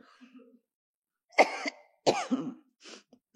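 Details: Two harsh coughs close together with faint crowd noise before, from a woman, hoarse after shouting during an impassioned speech at the PDIP 51st anniversary event; brief coughing bout after voice strain.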